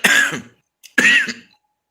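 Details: Cough (attributed to acid reflux).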